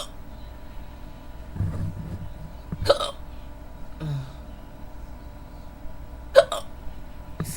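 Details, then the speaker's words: Female roleplay recording: a woman trying to fall asleep has had hiccups on and off for about 15–20 minutes; sharp, abrupt hiccups at irregular intervals over faint room noise; hiccups. "oh excuse oh excuse me I'm really trying to fall asleep but I can't can't do to these hiccups hiccups excuse me I've had them for about I've had them off and on for about 15 20. minutes"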